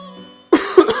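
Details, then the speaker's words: Adult sick for the last couple of days, with a scratchy voice and sniffing, gives a quick run of about three harsh coughs during a gaming session with faint game music. "obviously my voice is really kind of screwed up I've been sick the last couple days so yeah it's it you coughing sniffing the weird"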